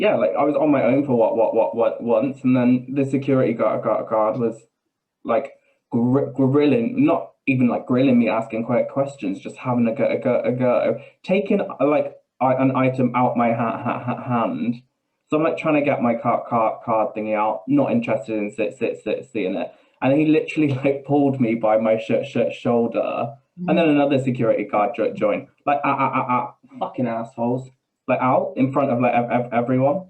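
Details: Man with Tourette's syndrome whose tics are involuntary swearing and blurted phrases in mid-sentence, with a stammer that worsens under stress; real, not acted; Tourette syndrome with vocal tics (coprolalia) and stammer.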